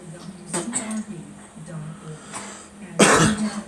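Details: A girl gives a few short, harsh coughs and throat-clearing sounds with spitting, ending in one loud forceful cough.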